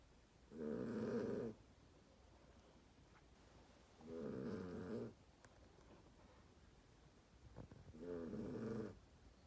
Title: My snoring dog